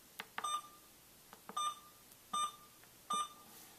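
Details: Four short high beeps with soft button clicks as an IV infusion pump's keypad is pressed, selecting channel A to choose guardrails drugs, IV fluids or basic infusion on a med-surg floor.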